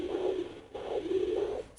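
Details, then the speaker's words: Home fetal Doppler at about 9 weeks of pregnancy, probe moved in small circles: rhythmic low-pitched whooshing pulses of the mother's own arteries, not the baby's heartbeat. "that's my arteries actually and you tend to have that on both sides left and right"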